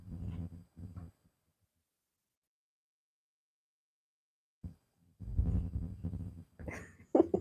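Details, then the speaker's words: A 12-year-old pet snoring while asleep. The owner suspects a nerve issue causing a hind-leg problem; snoring. "Diesel snoring away. I don't know if you can hear him."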